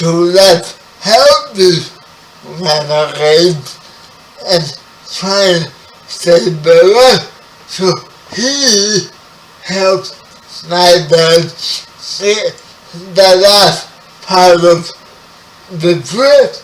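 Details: Spastic dysarthria in a 30-year-old man with spastic quadriplegic cerebral palsy, who was born 11 weeks premature.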